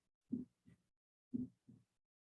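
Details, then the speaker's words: Normal heart sounds heard through a stethoscope: two clear lub-dub cycles at about 57 beats a minute, a louder S1 followed by a softer S2, the sound of the heart valves closing. "okay that's the sound of the valves closing shut"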